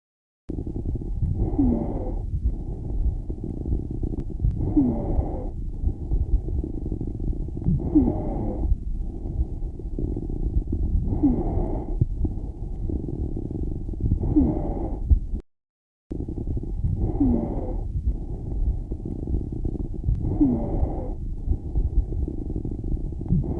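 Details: Lung sounds at about 18 breaths a minute: musical, continuous wheezes on inspiration and brief, discontinuous crackles on expiration; wheezes and crackles.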